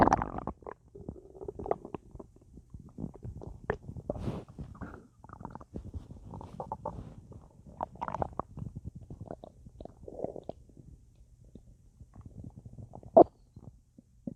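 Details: Full, gassy stomach after a large meal with a drink: frequent loud, continuous gurgling, bubbling and popping; active gas-filled bowel sounds.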